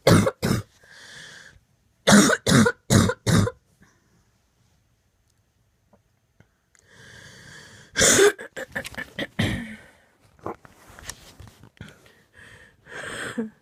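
Repeated bursts of harsh coughing in clusters, about a dozen coughs, with brief breaths between: a persistent coughing fit.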